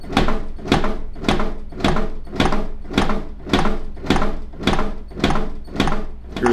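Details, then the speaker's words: ZOLL AED 3 metronome set at 100 beats per minute, steady clicks pacing chest compressions during CPR after a shock is delivered; CPR metronome. "push your machine provides a metronome set at 100 beats per minute"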